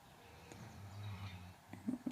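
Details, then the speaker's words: A dog snoring loudly in the background, a low rumbling snore with faint room noise and brief voice sounds at the end. "sorry if you can hear my dog snoring very loudly in the background Archie is a feature of quite a few of my videos"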